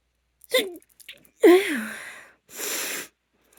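A quick intake of breath, then forceful voiced sneezes with sharp bursts of air. Powerful sneezing, here linked to allergy.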